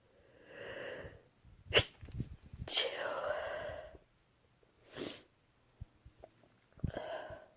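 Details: Three induced sneezes while sick with a cold, ill for over two months; sharp explosive sneezes, each with a brief breathy lead-in and spray-like burst, separated by pauses; sneezing.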